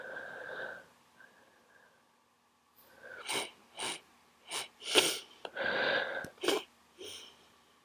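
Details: A run of wet sniffs and short nasal sneeze-like bursts from a person with a head cold: congested sniffling and sneezing with a cold.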